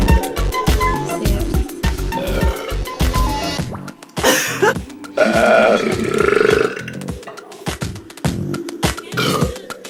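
Several long, loud, croaking belches with music playing underneath.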